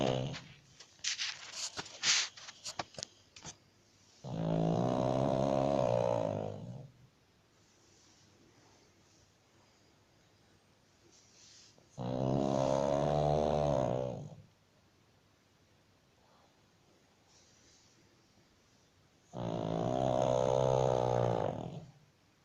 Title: pug snores